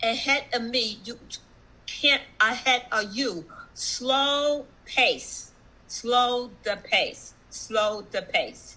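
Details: Adult woman, stroke survivor with aphasia for about one and a half years, with effortful speech and self-corrections: aphasia.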